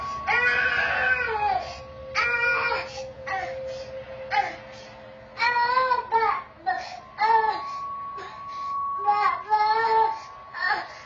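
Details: Young child crying at night: repeated wailing cry bursts rising and falling in pitch, with a steady background tone; ordinary crying.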